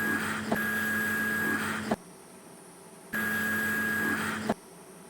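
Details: CUSA (Cavitron ultrasonic surgical aspirator) demonstrated via foot switch: steady electronic hum with faint tone, on-off bursts about 1.5 seconds ending in clicks, suction always on; ultrasonic surgical aspirator running.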